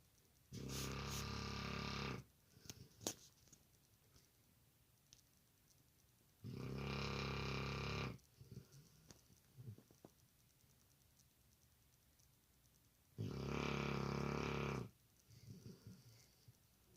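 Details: A dog snoring, recorded as ASMR: three loud, rattling, vibrating snores on the in-breath, separated by quiet gaps with faint snuffles, in a small room.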